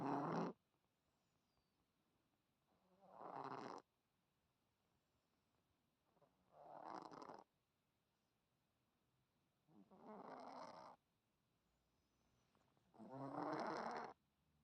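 Loud, rough, snoring-like breath sounds from a cat, about 18 breaths a minute with quiet gaps between; noisy, abnormal breathing.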